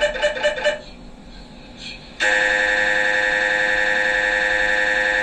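Rapid rhythmic knocking, a pause, then a loud steady electronic buzzing tone, typical of MRI gradient coil noise during a brain scan.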